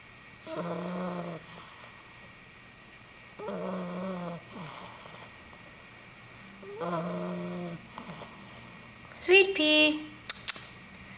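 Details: Snoring from a sleeping pitbull puppy tired out after a long day of playing: three buzzing, fluttering snores about three seconds apart, softer breaths between, then a brief squeaky whimper.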